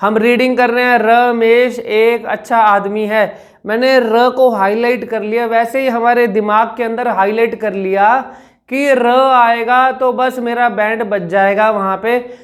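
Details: Adult man imitating stammered speech; Stuttering, imitated forced-effort speech.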